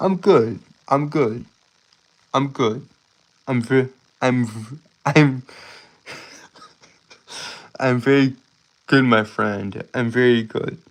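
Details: Stuttering, self-reported speech impediment causing stuttering, tripping over words and irregular breathing.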